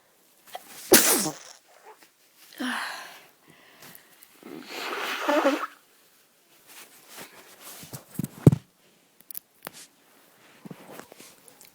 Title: Coughing and sneezing all day